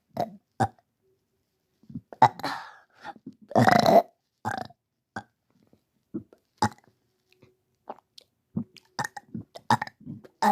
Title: excuse me for burping